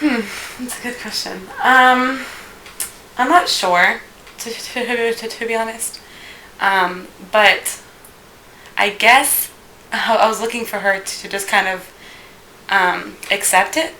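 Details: Female who stutters, had speech therapy from about 5th to 10th grade focused on slowing speech; stuttering.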